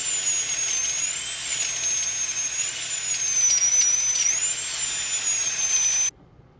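Continuous shrill, high-pitched whine with slight pitch wavering, then abrupt stop: a high-speed dental drill.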